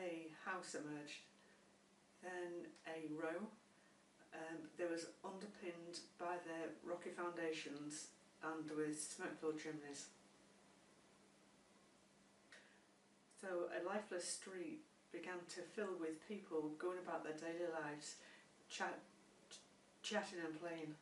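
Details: Adult woman who stammers and has had stammering therapy, with repetitions; stuttering.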